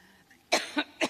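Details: Adult woman giving a speech has a brief coughing fit: three short, harsh cough bursts in close succession; she blames allergy.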